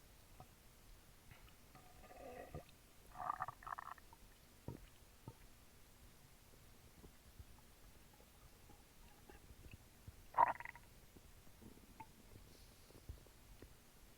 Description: I drank a small can of Sprite while recording my stomach and it caused quite a ruckus. You can hear it fizzing down as I drink.